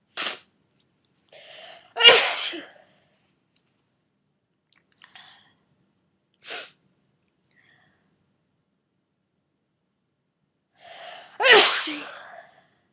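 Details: Person getting over a cold, part of a run of 34 sneezes: three sharp, explosive sneeze bursts, two with a short breath-in before them, in a quiet room.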